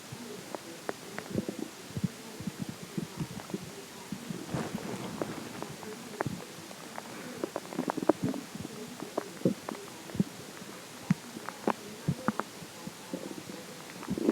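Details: Irregular low gurgles and rumbles with scattered clicks over faint steady background noise; ordinary stomach growling, bowel sounds from gas and fluid moving.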